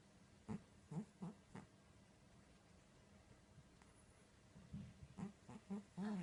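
Short, soft, squeaky nasal sounds in quick clusters with pauses between, from a sleeping cat: light snoring.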